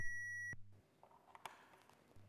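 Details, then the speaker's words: Simulated single-rescuer CPR on a Laerdal mannequin: AED voice prompts shock advised, charging, deliver shock, press the orange button; a steady high electronic tone cuts off with a click as the training defibrillator delivers the shock. "stand clear shock advised charging stay clear of patience stand clear deliver shock now stand clear press the orange button"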